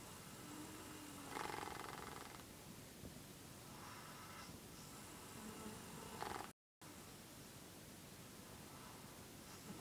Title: snoring